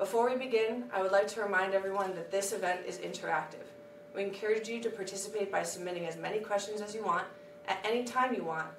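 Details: Adult woman; Normal speech.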